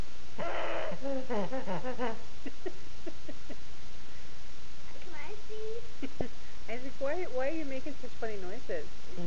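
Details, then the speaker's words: Young boy with croup makes squeaky, hoarse, sliding voice sounds and rough noisy bursts. "There's that bark. The seal barking."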